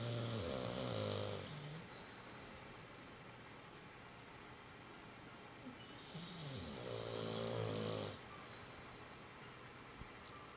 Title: Snore